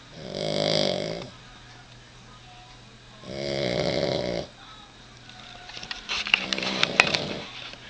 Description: Finally getting the sounds from this little girl. At night in bed she sounds jusst like a human